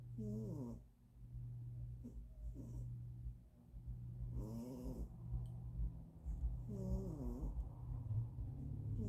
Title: Loki snoring 😴